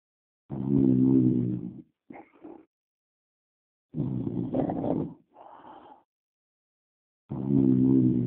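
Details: Loud rumbling snores about every three and a half seconds, each followed by a softer breathy exhale, roughly 18 breaths a minute: snoring.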